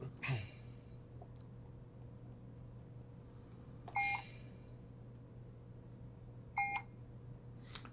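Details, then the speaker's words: Puritan Bennett 560 ventilator in pressure support mode with volume-targeted (VT target) setting during a demonstration: three short electronic alarm tones over steady machine hum, a low tidal volume alarm. "Once I've finished with this, and I've got a little bit of a low tidal volume alarm going off here again."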